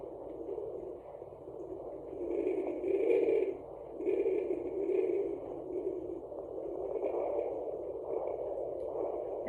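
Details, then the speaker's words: The pregnant mother's own heartbeat on a home Sonoline B fetal Doppler while she sits on a couch: muffled, rhythmic whooshing that she says sounds like the placenta, a wind sound over her heartbeat. "is my heartbeat that sound sounds like the placenta to me it's got like my heartbeat in it but it also has like this like wing sound to it"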